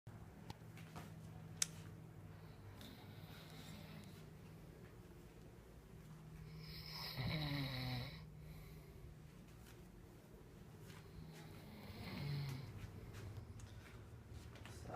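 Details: Sleeping roommate snoring: two low, rough snores about five seconds apart, with steady room hum in between.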